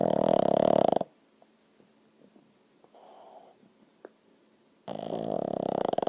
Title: Snoring and Twitching